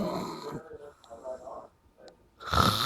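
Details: After a night out, loud, rough sleep breathing noises with a quieter gap between; snoring.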